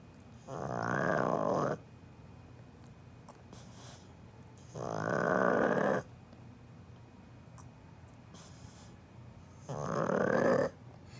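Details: Pug dog sleeping, loud rattling snores every four to five seconds with quiet pauses between; heavy snoring.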